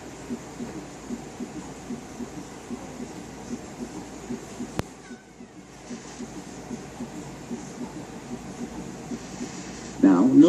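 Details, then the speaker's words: Soft low heart sounds with a faint extra early filling sound, heard with the stethoscope bell placed lightly on the apical impulse while the patient is rolled partway onto his left side; third heart sound (S3). "if the patient had an audible S3 it would sound like"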